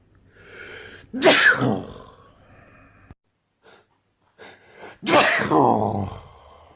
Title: #Sneezes #Sneeze #Sneezing #loudsneeze World Loudest Sneezes weekly update